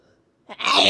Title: So many Sneezes! 🤧